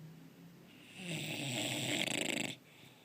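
One loud, harsh snoring breath that ends in a fluttering rattle, followed by quieter breathing.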